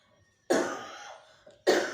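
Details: Cough that has flared up again: two abrupt, harsh coughs, the first trailing off slowly; a short dry-sounding cough.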